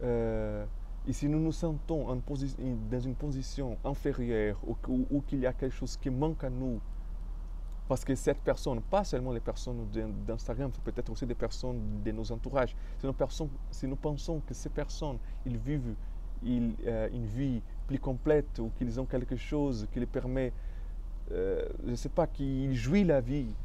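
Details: Stuttering in an adult man speaking French, who describes his stuttering as having blocked him.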